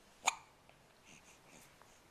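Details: An 11-week-old baby makes a pooping face with hiccups: a single sharp, brief hiccup, followed by quiet soft sounds.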